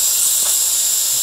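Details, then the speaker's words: High-volume dental suction used while a tooth is drilled, clearing drill water, rinse spray and saliva. It gives a loud, steady rushing hiss, stronger than low-volume suction. "the dentist or the assistant is rinsing the tooth off with with the water spray and so this one it's a lot stronger you can hear the difference this one"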